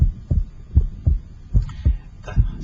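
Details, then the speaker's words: Electronic stethoscope over the pulmonic area: regular heart sounds at about 77 a minute, second heart sound splitting wider with inspiration and becoming single with expiration; physiologic splitting. "second heart sound splits or becomes wider normally with inspiration and become single with expiration"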